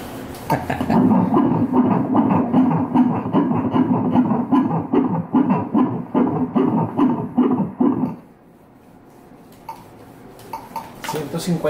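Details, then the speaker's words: Rapid, regular whooshing fetal heartbeat at about 150 per minute, described as quite normal, heard during a 4D ultrasound at 30 weeks of pregnancy, followed by quiet room sound. "latidos por minuto bastante normal"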